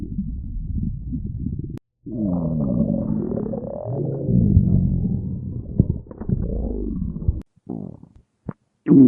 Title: Fat animals stomach growling compilation #1